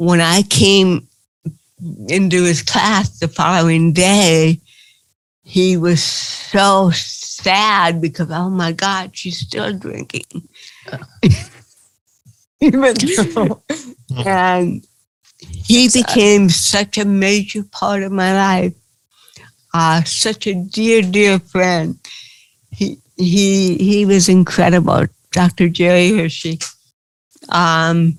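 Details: Adult woman with cerebral palsy, real, speaking in an interview; dysarthria (cerebral palsy).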